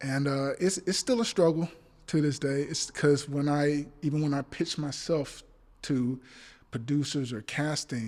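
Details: Adult male actor with stuttering since childhood that still persists, including on the phone and in person; stuttering.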